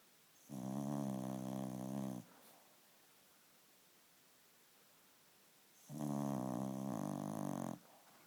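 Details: 16-year-old pet called the family's second daughter, tired and asleep lying on her mother; two long, buzzing, vibrating inhaled snores separated by quiet pauses; snoring.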